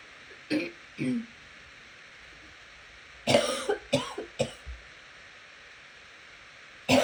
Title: Coughing continues